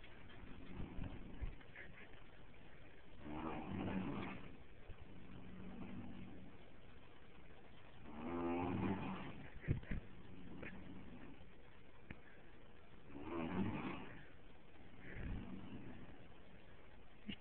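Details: Horse snoring after just having his teeth floated, not heaving: slow, rumbling, fluttering snores about every five seconds over steady background noise.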